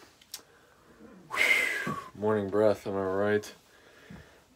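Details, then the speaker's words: Deliberate burping by a person in an office as a comedy skit: a loud, rough belch followed by a drawn-out voiced burp in a quiet indoor room. "oh excuse me yeah nevermind it's like i'm not i'm not done burping at all guys i'm doing this all day"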